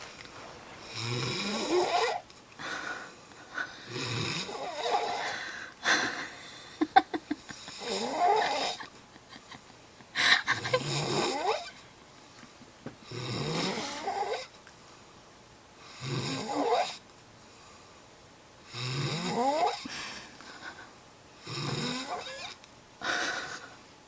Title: My superman snoring